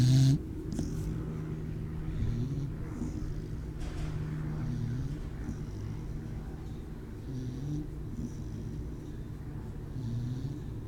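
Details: Gidget, a female American Pit Bull Terrier mix at an animal shelter, snoring in a mellow, nasal way: low rumbling breaths repeat steadily over a constant hum, a few slow breaths per stretch.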